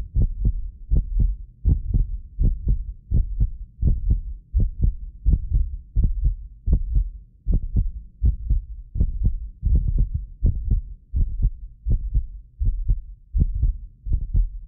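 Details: Heartbeat of a medically fit person recorded with several precision contact microphones: regular paired low thumps about 80 a minute; occasional doubled clicks are a ~6 ms microphone-delay artifact. Normal heart sounds.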